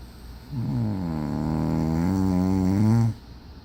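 One long, loud, rattling snore on an indrawn breath with a deep vibrating buzz, typical snoring.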